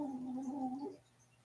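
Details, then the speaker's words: Sleeping dog, face pressed into the bed: a single loud, droning, gurgly snore, then quiet: snoring. "onto the bed now that's her snoring by the way can you hear that that she is so loud"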